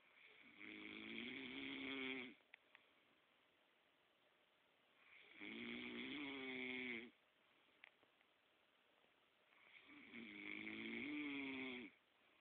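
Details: Loud rattling snoring from a man, three long snores on the in-breath with quiet pauses between, about 13 breaths a minute.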